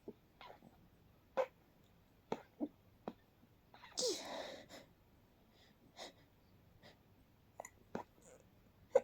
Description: I had to sneeze sool badd!! But I had to be quiet so no one woke up. I had to leave the room eventually when holding them back like that became too much 😅